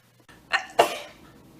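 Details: Girl sneezing: a quick intake of breath, then a single sneeze with a double burst.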